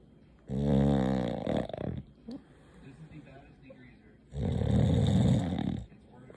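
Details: Woman snoring: two loud, rough, rumbling snores on inhalation, deep and vibrating like an idling diesel engine, with quiet breathing between them.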